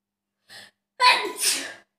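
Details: Self-induced sneeze during a 30-sneeze challenge: a short inward gasp, then one loud explosive sneeze with a hissing burst of air; sneeze.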